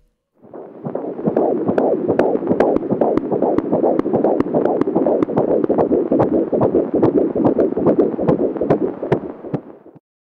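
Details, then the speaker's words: Fetal heart sounds at 16 weeks on a home BabyBeat fetal Doppler: a rapid, regular whooshing heartbeat at about 146 a minute. The sharper clicks are the baby's heart valves already opening. "some fetal heart sounds at 16 weeks the sharper sounds are the baby's heart valves already opening and"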